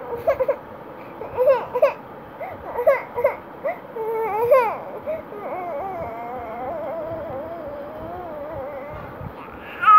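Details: Baby crying: short fussy cries and whimpers, then a longer wavering wail, over steady room noise.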